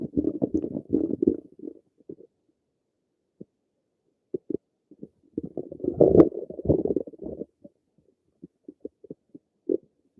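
Bubbling gurgles and rumbles come in clusters with brief pops between them, typical of ordinary stomach and bowel noises.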